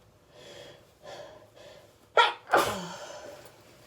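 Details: A few quick breathy inhalations, then two sharp sneezes in quick succession; repeated hay fever sneezing.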